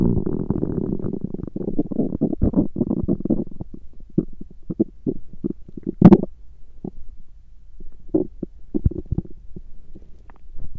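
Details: A woman's stomach growling while hungry or digesting, with some recorded on a "girls day": a long, low growl, then scattered short gurgles and rumbles. Ordinary borborygmi.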